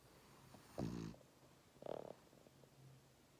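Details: Sleeping French Bulldog lying in a lap, snoring: two soft, rattly snorting breaths.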